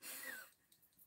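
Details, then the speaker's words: Adult who says she must be getting a cough gives a short breathy exhale with a faint whistling tone sliding down in pitch, a mild wheeze; she blames the cold weather. "a bit Wheezy that's not really good it's the weather"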